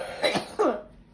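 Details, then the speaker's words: A girl who says she still has a cough from being ill, coughing after gymnastics at home: two quick, harsh coughs with some throat clearing. "um so i'm just gonna do gymnastics don't do too hard because you're it might start coughing i know but it's fine i only i still have a cough guys"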